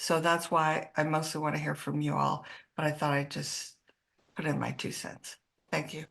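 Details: Adult speaker; normal speech.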